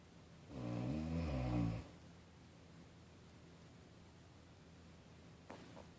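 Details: Ordinary snoring during sleep: one loud, deep, rattling snore lasting over a second, followed by quiet breathing and a faint later snort.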